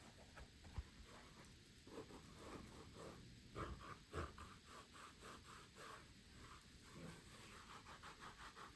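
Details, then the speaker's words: Dog snoring in the background during whispered ASMR with fabric sounds. "As always, you can probably hear the pup in the background snoring."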